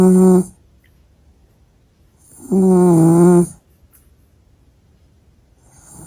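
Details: Sleeping dog snoring: loud, low buzzing snores with a tonal whistle, about one every few seconds, quiet between; snoring.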